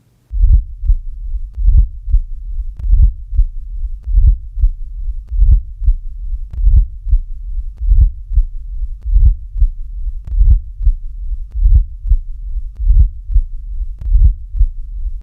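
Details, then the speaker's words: Late diastolic (presystolic) murmur heard with the stethoscope bell lightly held: a regular, low heartbeat near 48 a minute with a low-frequency rumble that builds before each first sound; it is usually part of mitral or tricuspid stenosis. "this murmur is low in frequency and rumbling in quality it is best heard with the Bell lightly held listen to a late diastolic murmur"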